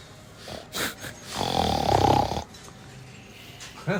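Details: Child imitating father's snoring while he sleeps: a single rattling, snorting inhaled snore of about one second, with soft room noise.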